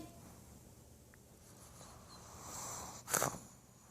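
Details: Pug dog, being roused after loud snoring, sneezes: quiet room noise, then a single short, sharp sneeze that sprays the camera.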